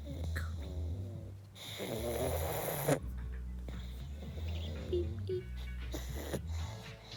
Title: Best snoring sounds ever